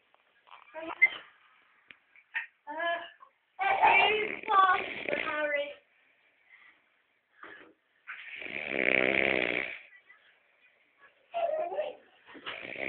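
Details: Brother snoring loudly while asleep: irregular rough, buzzing breath noises with pauses between them, including one long raspy snore; ordinary snoring.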